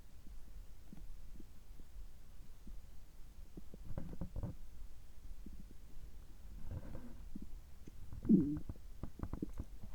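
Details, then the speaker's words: Bowel sounds recorded right after a gastroscopy (upper endoscopy) at a checkup, whose results were normal: soft low gurgles and brief bubbling rumbles over a quiet background, normal bowel sounds. "ちょっと声が変ですけども、胃カメラ直後の、えお腹の音、胃の様子を聞いていただければ嬉しいです。"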